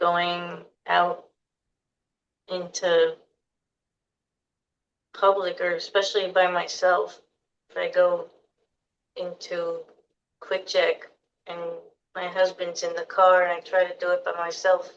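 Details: Aphasia in an adult female survivor of a hemorrhagic stroke in September 2018, who could not speak for two years afterward and still has difficulty getting words out and processing speech; repetitions and a word substitution are heard.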